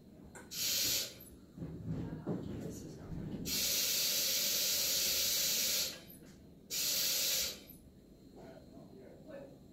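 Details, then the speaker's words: Anesthesia machine leak test with the breathing tube occluded by thumb: loud hissing bursts of gas, one long and two short, filling the reservoir bag to 20 on the manometer; oxygen flush. "So I'm going to go ahead and fill up this bag until you see our pressure monitor, or pressure on our manometer is at 20."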